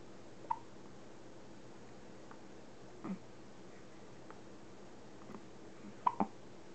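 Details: Four brief, sharp hiccups at irregular intervals, two close together near the end, from a small pet during her nightly workout in a quiet room: hiccups.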